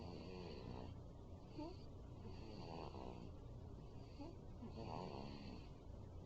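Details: Zoey, a 5-week-old puppy, snoring: steady rattling, snuffly breathing with soft rhythmic snores over a constant low hum; snoring.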